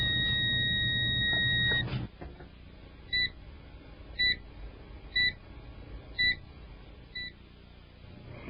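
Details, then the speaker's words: ZOLL PD 1400 monitor/defibrillator set to deliver additional 200-joule shocks: a continuous high charging tone after the charge button is pressed, then a thud and short beeps about once a second signalling charged and ready to shock. "To deliver additional shocks at 200 joules, quickly press the charge push button again. Allow the unit to charge."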